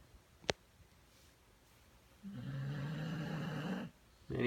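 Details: A single drawn-out, rattling snore on a breath, after a brief click in a quiet room, recorded May 2017; snoring.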